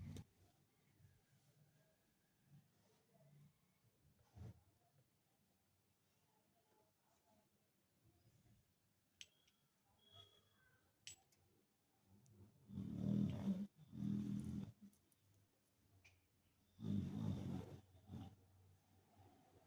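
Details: Sleeping Labrador: quiet room, then three low rumbling snores near the end; ordinary snoring.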